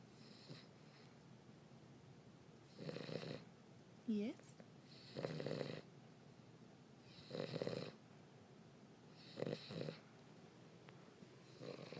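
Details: Steady rhythmic snoring from a sleeping small dog, a King Charles breed, with loud rough snores about every two seconds; snoring.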